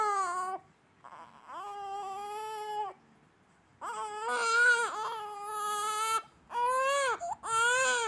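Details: One-month-old infant crying: repeated high-pitched wailing cries with pauses for breath; ordinary crying of a young baby.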